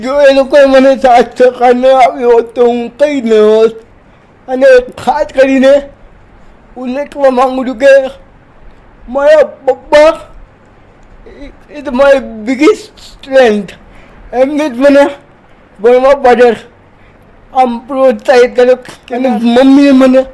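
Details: Dysarthric speech in a 30-year-old man with cerebral palsy who says he is 80% handicapped and cannot move like a normal person; speaking Gujarati.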